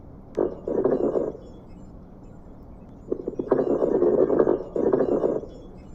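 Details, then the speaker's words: Lung crackles heard with the stethoscope diaphragm: breath sounds with short popping clicks mixed in. "here is an abnormal sound of crackles"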